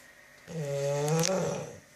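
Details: Bulldog sleeping flat out: a single drawn-out, rumbling snore with a buzzing, nasal tone, rising and fading over about 1.5 seconds. Snoring.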